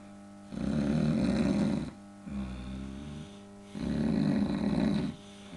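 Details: Repeated loud, rumbling snores with a softer one between them over a steady background hum; snoring.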